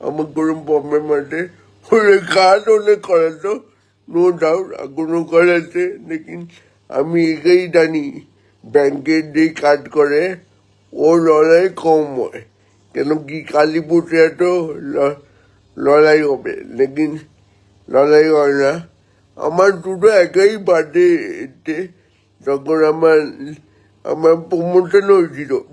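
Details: Adult man born 1988 with spastic cerebral palsy from lack of oxygen at birth, about 70% motor nerve damage affecting both hands and legs, speaking Bengali; dysarthria (spastic, cerebral palsy).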